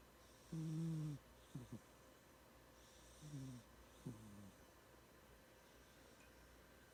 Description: Cindy has dreams and snores